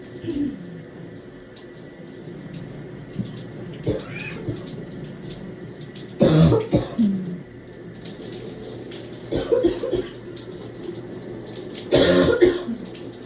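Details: Deep, harsh, barking productive coughs in the shower, in three bouts of a few forceful coughs over running water, trying to clear secretions.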